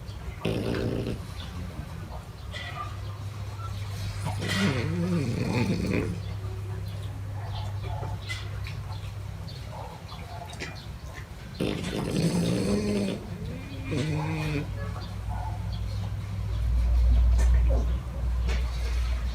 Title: My French Bulldogs Snore When Sleeping 내 프랑스 불독은 잠을 잘 때 코를 곯다